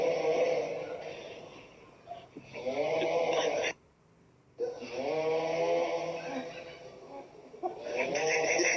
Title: Coronavirus security snoring after broadcasting